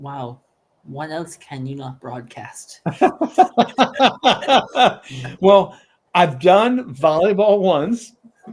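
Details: Adult male speaker; typical speech.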